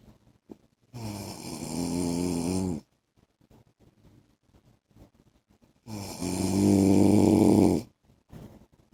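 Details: Adult man (husband) snoring during sleep: two long, loud buzzing snores about five seconds apart with quiet breathing between.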